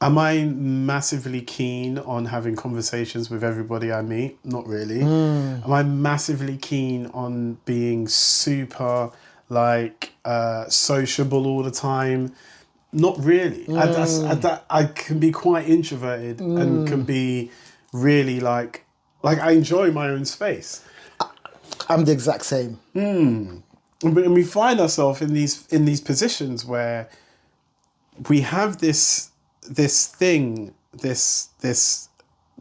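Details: Stuttering (stammer) in an adult male singer who lives with it.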